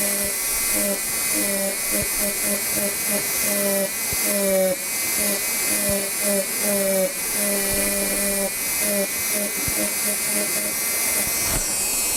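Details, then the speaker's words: Dental micromotor with flame-shaped burr cutting a labial bevel on a tooth, conservative dentistry demonstration; high whining drill in short bursts with faint room noise. "So I have a micromotor out here and I make use of the flame shaped burr"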